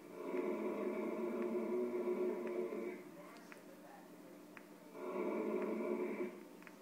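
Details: Heavily pregnant woman snoring nightly during sleep: two long, droning, buzzy, rough vibrating breaths with a quieter exhale between; snoring.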